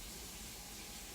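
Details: Steady hissing spray of a portable nebulizer delivering aerosolised medicine, used directly or with a funnel attachment, inhaling through the nose and exhaling through the mouth; nebulizer running.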